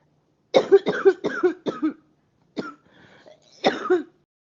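A quick run of four harsh coughs, a pause with a faint breath, then two more separate coughs: six in all.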